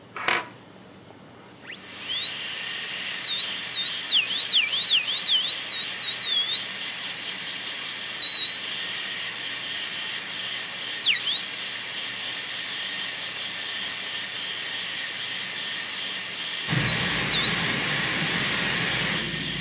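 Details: High-speed dental handpiece with a piercing whine dipping and rising in pitch, preparing an MOD ceramic onlay on tooth #18 on a typodont, reducing the cusp planes along their original slope.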